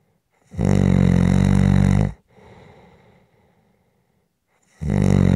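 Loud, rattling inspiratory snores with a soft exhale between them, roughly 14 breaths a minute: ordinary snoring.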